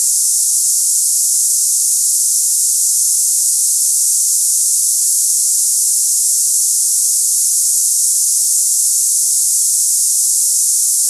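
Steady high-pitched hiss with no breaks, a cicada-like simulation of tinnitus for comparison with ringing ears.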